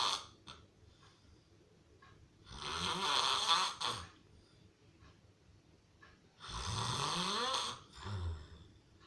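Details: Real (not a prank) heavy snoring: two long, loud, rattling snores about four seconds apart, each a harsh breath with a throaty flutter.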